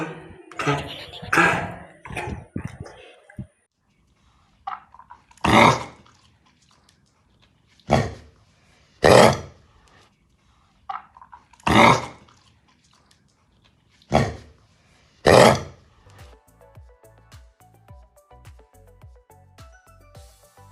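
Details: A dog gives repeated harsh, honking, hacking coughs: kennel cough (infectious tracheobronchitis).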